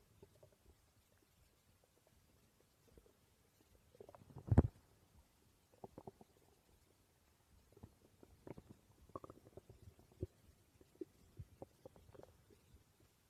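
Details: Person's stomach growling: quiet, scattered low gurgles and squelches with one louder rumble; ordinary borborygmi from normal gut movement.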